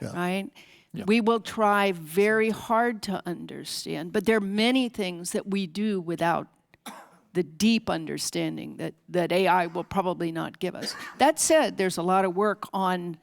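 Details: Adult speaker; Normal speech.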